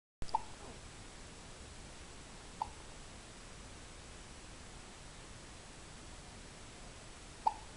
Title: Kimchi-Vegemite baby has the hiccups